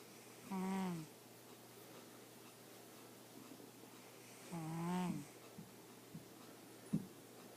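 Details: A sleeping cat snoring: two whistling, musical snores about four seconds apart over a steady low room hum.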